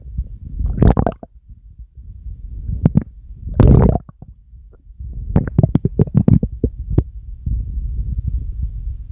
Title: Stomach growls on command !🌼